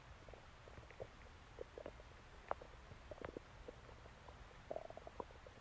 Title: Stomach Growling Sounds